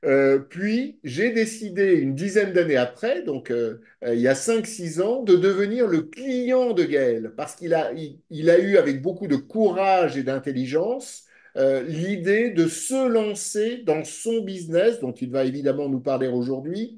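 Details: Adult man speaking French; typical speech.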